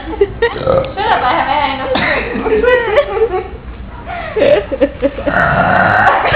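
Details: Adults competing for the best "trucker burp" after a night out: a series of loud, drawn-out, voiced burps with brief talk between them; they say some are fake.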